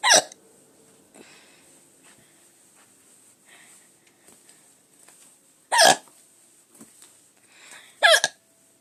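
Three sharp, abrupt hiccups at irregular intervals, with faint background noise between them.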